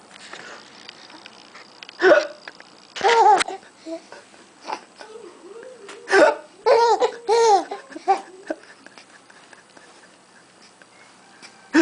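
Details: Adult's fake hiccups, abrupt and repeated, answered by a baby's bursts of laughter and babbling.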